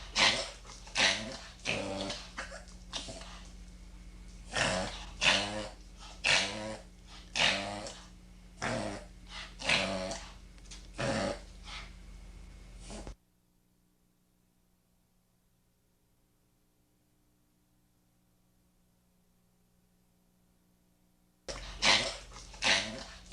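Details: Dog reverse sneeze: rapid, repeated loud snorting inhalations, the classic honking sound.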